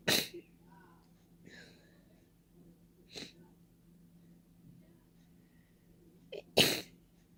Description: I tried to sneezes without using a tissue at all. It was veeery messy... Many sneezes had flown into the open air!